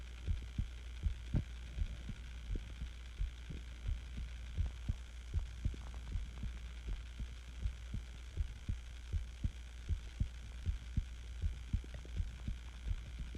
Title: My Heartbeat Sounds While Being Sick With The Flu Hugs To You